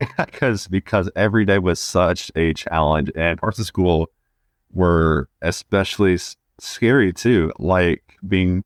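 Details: Stuttering in a 20-year-old man who has stuttered since about age two; repetitions are audible in this stretch.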